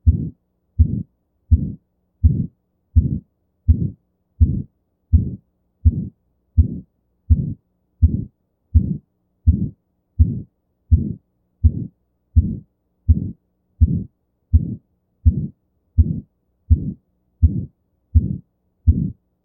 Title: How To Diagnose Aortic Stenosis (Murmur Auscultation)